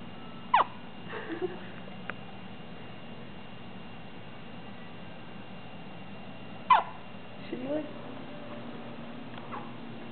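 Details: Two sharp, brief hiccups about six seconds apart, each followed by soft little noises, from a 6-day-old newborn baby in a quiet room.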